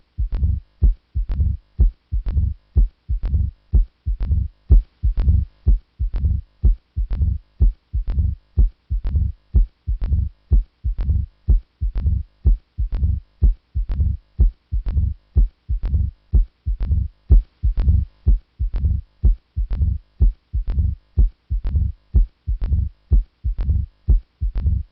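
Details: Mitral stenosis murmur.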